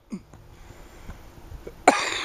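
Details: An adult outdoors by a river, while smoking a joint, gives a faint throaty sound, then a single loud, harsh cough: cough.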